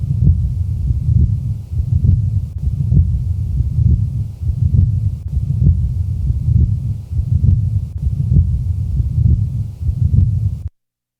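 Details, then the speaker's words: Continuous murmur of patent ductus arteriosus, recorded at the left base and audible with bell or diaphragm. A steady machinery-like roar runs through the whole cycle, swelling with each beat at about 70 a minute. "now listen to the typical murmur of patent ductus arteriosis recorded at base left"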